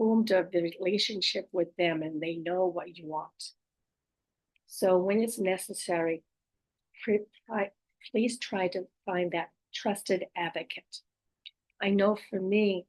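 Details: Adult female stroke survivor with post-stroke aphasia, apraxia of speech and dysarthria, says her speech can be hard to understand; word repetitions; aphasia with apraxia of speech and dysarthria.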